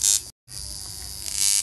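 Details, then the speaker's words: Ozone high-frequency facial machine with its power being turned up: a steady, sharp electric buzzing that grows louder as the power rises, the electrode giving off purple light. "जैसे मैं इसकी power तेज कर रही हूं यह मैंने power तेज की आपको आवाज इसकी तेजी से आ रही होगी"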